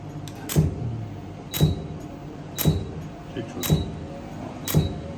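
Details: Laser hair removal treatment: regular sharp clicking pulses about once a second with a brief high tone over low room hum, a laser hair removal device firing.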